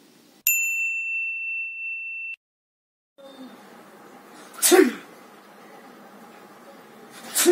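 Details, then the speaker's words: A person sneezing; a chime, then two sharp explosive sneeze bursts about three seconds apart over room noise. "hello so every person in this world gets sneezes and each one of them squeezes in their own way so in this video it is all about the types of visas which people get"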